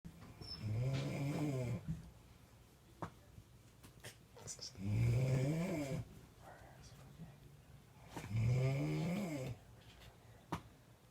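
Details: Three long, deep, rattling snores about every four seconds, roughly 15 breaths a minute, with quiet pauses between.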